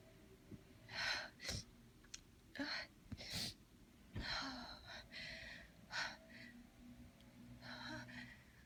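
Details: Adult sneezing fit after holding back a sneeze for about 15 minutes with intense tickling and shaking: run of breathy gasps, then several bursts of sneezing in quick succession.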